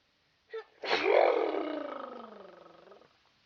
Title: Weird Sneezes